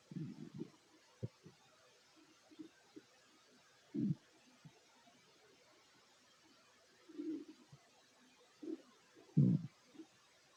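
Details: Stomach growling of a fit adult man while eating a plate of sandwiches: intermittent low gurgles and rumbles in irregular bursts over a quiet room background; bowel sounds of digestion.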